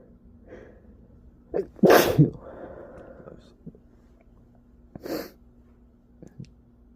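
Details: Person sneezing from allergies: a forceful sneeze after a sharp intake, then a second, smaller sneeze a few seconds later in a quiet room; sneezing.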